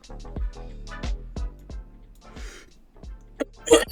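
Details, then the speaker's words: A single short, harsh cough from an adult streamer with an endless cough after a cold (says not bronchitis) rises out of loud background music; post-viral cough. "uh with the stream if the cough it's too much I'm gonna I'll cut it bronchitis no no just the endless cough after a cold it's pretty fun"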